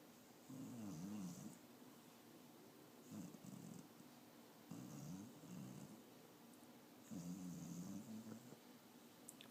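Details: Old pet asleep with active dreams: four soft, rumbling snoring breaths over about ten seconds with faint squeaky noises; ordinary snoring during sleep while dreaming.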